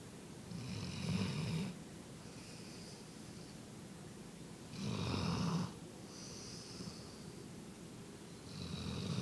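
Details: Female dog snoring while sleeping in the owner's lap.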